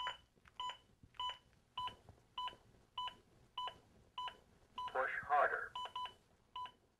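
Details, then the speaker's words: AED Plus during demonstration CPR: steady two-tone beeps about 100 a minute as an adaptive metronome that sees compressions and urges faster ones, with a brief voice prompt; CPR metronome beeps. "the beeps act as an adaptive metronome that sees my compressions and tries to speed them up"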